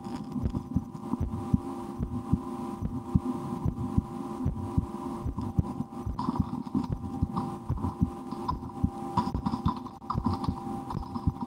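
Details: Own heartbeat heard through a stethoscope in a relaxation recording: soft, steady thumps under a constant low hum and rustling stethoscope noise; normal heart sounds.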